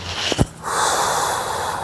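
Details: A short forceful nasal snort with rushing air and faint background music, during manual therapy exercises for a patient with 4–5 years of anterior shoulder pain from bench pressing.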